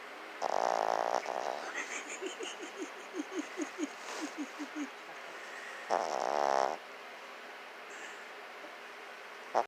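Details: Chihuahua dog snoring while asleep, likened to an old man: loud rasping snorts with a quick fluttering rattle between them.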